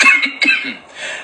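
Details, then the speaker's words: Two quick, harsh cough bursts from a synthetic AI computer voice, imitating an ordinary human cough. "When did AI start coughing? [music] I don't get it."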